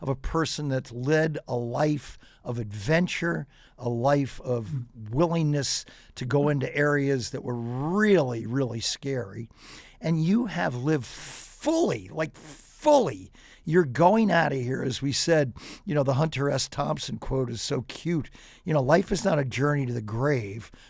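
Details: Adult man; normal speech.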